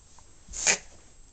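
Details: Dog, excited on request by owners: one sharp, hissing nasal snort, a brief reverse-sneezing episode. Owners were told by doctors it is harmless to the dog.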